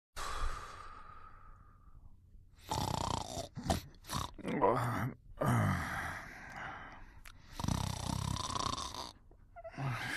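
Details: Sleeping animal snoring: irregular snorting, grunting snores with rough, rattling breaths.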